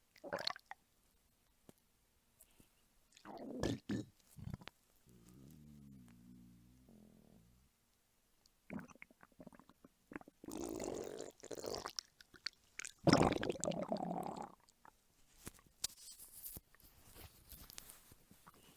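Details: Belly and stomach rumbling ASMR of a hungry mother: irregular gurgles, squelches and a brief low tonal growl with handling noise, normal hunger borborygmi.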